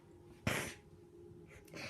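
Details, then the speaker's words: A single sharp, explosive cough from a child, followed by a couple of fainter breathy sounds; the other gamer remarks that the cough is weird. "Yo, cough is so weird."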